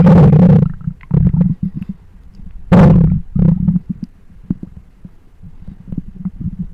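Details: Loud low gurgling rumbles in bursts with bubbling pops between them, picked up by a microphone close to the belly; ordinary stomach growling (borborygmi).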